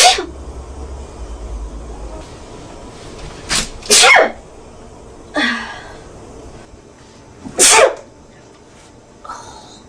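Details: Young blonde woman acting sneezes for an allergy commercial audition: four sharp, hissing sneezes, each preceded by a quick inhale, with faint room noise.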